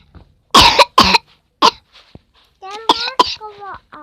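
A child gives two loud forced coughs and a third shorter one, then brief voiced sounds: a playful imitated cough.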